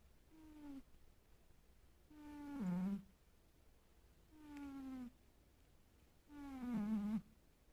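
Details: Sleeping pet cat snoring loudly enough to wake herself: four regular, tonal, moaning snores about two seconds apart, roughly 30 a minute, with a voiced, whistling quality.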